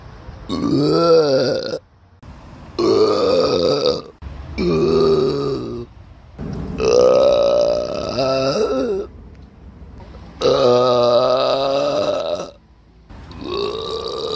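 Five long, loud, voiced belches with pauses between them, each lasting one to two seconds: repeated burping.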